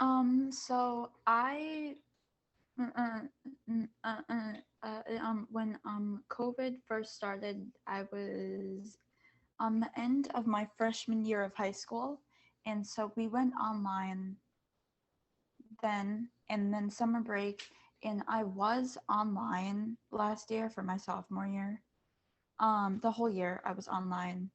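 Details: Student who stutters, speaking as a panelist among kids, teens and adults who stutter, back at school after online classes. Finding: stuttering.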